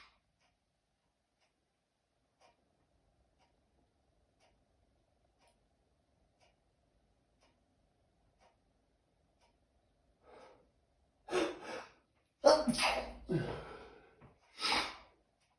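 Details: After a quiet stretch, four or five loud, sharp sneezes in quick succession; the person wonders if it is allergies, and it is their second bigger sneezing fit in two days; sneezing fit.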